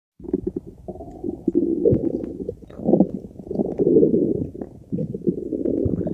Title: very loud digesting noises